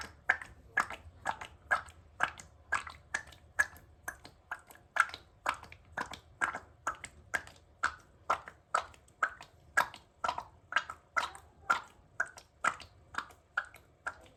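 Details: Rapid, regular sharp clicking and squelching, about two per second, from an overweight cat's belly when it is touched; harmless abdominal sounds, the cat is not sick.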